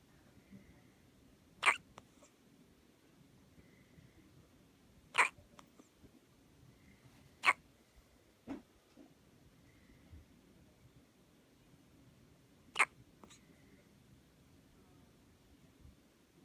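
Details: Hiccups: sharp, sudden hiccup sounds repeating about five times over sixteen seconds against quiet room noise.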